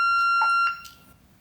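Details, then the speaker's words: Steady high electronic tone with a brief click and burst as it cuts off: corpuls3 defibrillator delivering a 10 J functional test shock with paddle electrodes held together, LEDs lighting. "During the function test itself, the two lights briefly light up when the electrodes are held together during the shock delivery. The LEDs briefly light up during the shock delivery."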